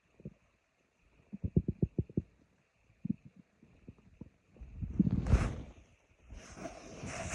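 Bursts of low gurgles and rumbles, then a longer churning rumble; normal stomach growling.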